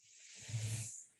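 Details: Tinnitus simulation (white noise type).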